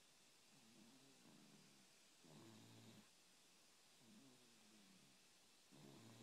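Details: Sleeping cat snoring: soft, faint snores with a gentle rasp on each breath over steady background hiss.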